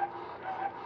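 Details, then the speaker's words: Personal-use electric breast pump, assembled for single or double pumping, just switched on in a demonstration to show it works, with a knob adjusting suction level. Steady mechanical hum. "the onoff switch is right here and you can hear that the pump is operational the suction level on the pump is adjusted with this knob"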